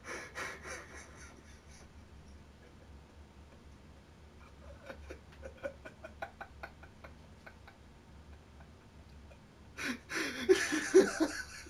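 Noisy breaths with brief high musical tones mixed in, a wheeze from narrowed airways.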